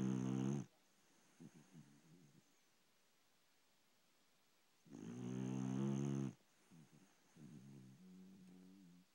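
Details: Pet dog asleep in the bedroom: two loud, rough, buzzing snores about five seconds apart, with softer breathing between; snoring.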